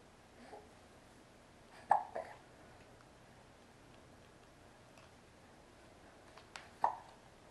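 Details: Two sudden short gulping hiccups about five seconds apart over quiet room noise, from someone sitting at the table with a serious case of the hiccups.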